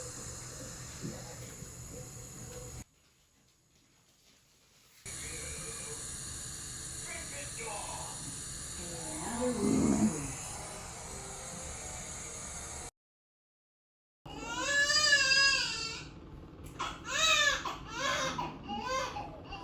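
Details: A newborn girl's first cries in the delivery room after labour: brief, high, rising and falling wails, with room hiss and quiet talk before them.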